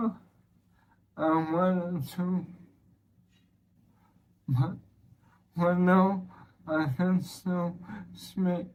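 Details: Man with ALS (motor neuron disease) whose symptoms began in early 2023 with evening hoarseness, then slurred speech. Weakening throat muscles give a weak, laboured voice and breathlessness, and he expects to lose speech and swallowing; dysarthria.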